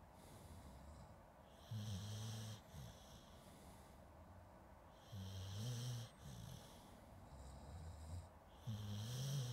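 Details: Slow, rhythmic low snoring with breathy exhalations, about 17 a minute, in a quiet room, from a sleeping dog (recording also includes some people snoring), Zoom H2N recorder; snoring.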